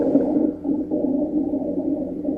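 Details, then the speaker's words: Low, continuous rumbling breath sounds with a snoring, moaning quality: rhonchi, demonstrated as a teaching example. "next is brony and know that these affect the Brony this is like a rumbly sound"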